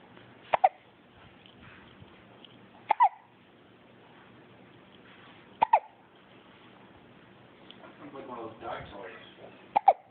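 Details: Four short, sharp hiccup catches a few seconds apart from a baby sucking angrily at a pacifier, with a brief fussy vocal sound near the end, in a quiet room; infant hiccups.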